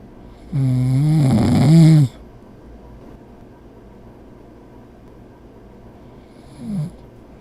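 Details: Animated cartoon creatures ("Snats") snoring, simulated sound: one loud, rattling, low-pitched snore about a second and a half long, then quiet room noise and a brief softer breath.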